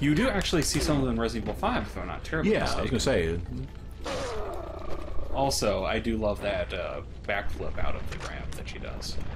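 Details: Adult male speaker; no speech disorder.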